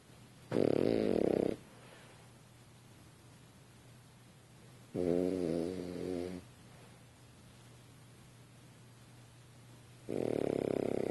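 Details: French Bulldog asleep on a couch, snoring: three loud, rough, rattling snores about five seconds apart over quiet room noise, typical of a flat-faced dog's noisy sleep breathing; snoring.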